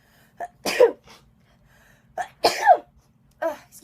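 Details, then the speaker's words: Girl who said she had to sneeze: two sharp sneezes, each with a short breath in before the burst, then a softer third sound; ordinary sneezing. "I just sneeze oh my no one wants to see that I'm going to sneeze hey thank you did you not say bless you"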